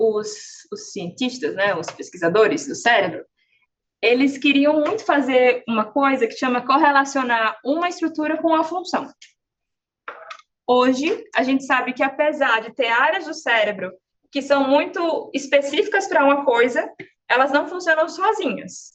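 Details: Adult woman speaking Portuguese; normal speech.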